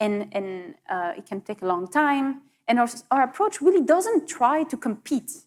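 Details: Adult woman speaking; ordinary fluent speech.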